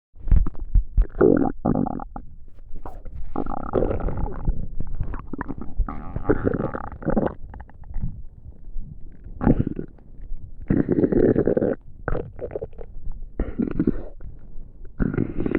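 Loud, low gurgling and rumbling bursts with brief pauses between them: ordinary digestive bowel sounds.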